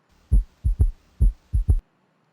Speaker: right you guys hear that it's rather quick but S3 is kind of a confusing heart sound because it can occur in a normal person and it can also indicate an underlying pathology such as a dilated ventricle